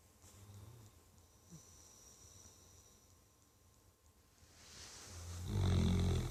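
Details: Sleeping dog snoring like an old man: soft low rumbles, then a loud, rough snort-like snore at the end.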